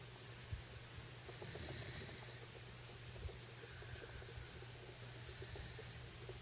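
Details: A woman dozing on a bed after a bath, beside a small boy, gives soft regular breathing with two whistling, rasping snore breaths about four seconds apart over low room hum; light snoring.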